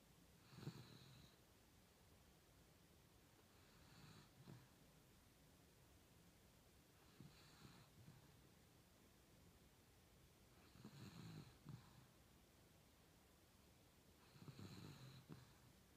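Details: Beagle snoring while asleep: soft, low snorts and snores recurring roughly every three to four seconds, about 16 a minute.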